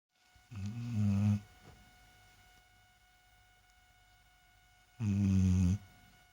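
Two low, rattling snores about four seconds apart, with quiet breathing between them and a faint steady hum in the room.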